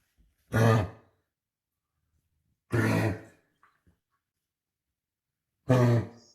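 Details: Dog with productive cough suggesting tracheobronchitis (lower airway): three separate harsh, deep cough-like bursts.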